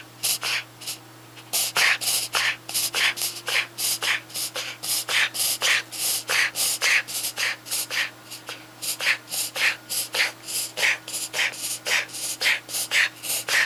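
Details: A rapid run of harsh, snorting breaths in a dog; a suspected reverse sneezing episode (paroxysmal inspiratory episode).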